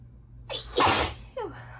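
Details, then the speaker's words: Sneeze: a quick inward breath, then one forceful sneeze and a short exhale, with a faint steady hum behind. "Oh my God. I'm gonna sneeze. I'm gonna sneeze. I think I need to sneeze again."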